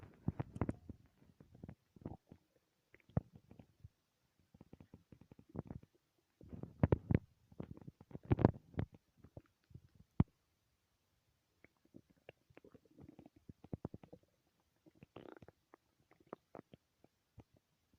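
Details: Loud stomach growls: irregular low gurgles and crackly rumbling bursts coming and going over about 18 seconds with quiet gaps; ordinary bowel sounds (borborygmi).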